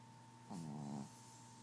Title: Gidget Snoring